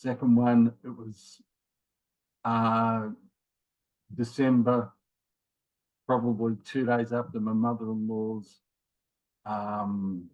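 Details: Man in his late 50s with mild aphasia after a left-sided ischemic stroke in January 2020, with trouble both finding words and getting them started; also prior heart attacks and rheumatoid arthritis; aphasia (word-finding pauses).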